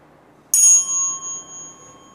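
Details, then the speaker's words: Tuning fork ringing with a clear pure tone slowly fading, placed on the mastoid bone for bone conduction hearing test; patient asked when sound stops. "Jadi kita minta dia menyebutkan kapan terakhir bunyi itu mampu dia dengar setelah kita getarkan dengan garpu tala."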